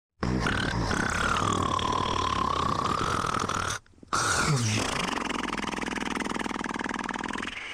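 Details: Sleeping person's loud, rough, rattling breathing that runs on, breaks off briefly, then resumes; heavy snoring.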